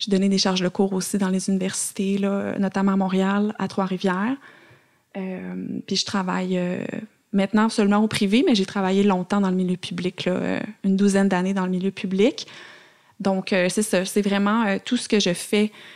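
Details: Adult woman speaking French; normal speech.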